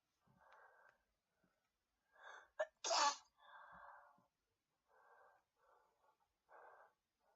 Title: Sneezes and stifles